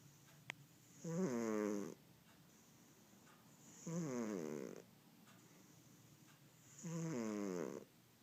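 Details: Loud snoring from a fat cat sleeping on a person's lap; snoring.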